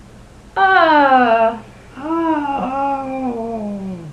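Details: Adult male patient gliding on 'ah' from high to low pitch during a clinical bedside swallow evaluation; downward pitch glide.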